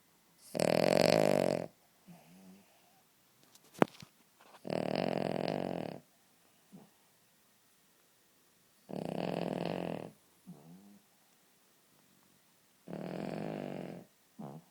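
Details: Loud buzzing snores on each in-breath about every four seconds, softer fluttering out-breaths between, from Honey, a sleeping Cavalier King Charles Spaniel: snoring.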